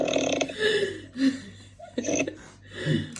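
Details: Person snoring while asleep during a video chat: repeated loud, rough, rattling breaths over a few seconds in a noisy room; snoring.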